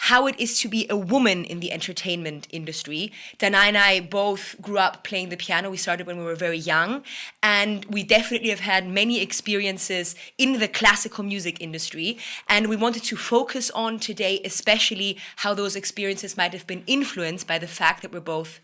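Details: Adult woman speaking; normal voice.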